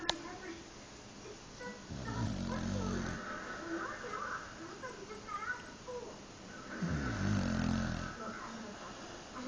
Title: Someone is enjoying their nap snoring away lol